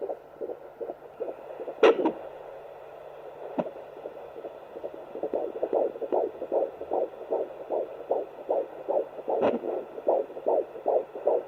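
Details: Fetal heartbeat heard on a Sonoline home fetal Doppler at 14 weeks 4 days of pregnancy.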